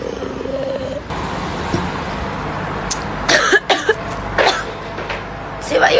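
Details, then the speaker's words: Young Spanish woman, who also smokes, gives a run of harsh, forceful choking coughs after coffee went down the wrong way; she says she may be getting ill and has chills. "Que sí que se me había ido el café para el otro lado."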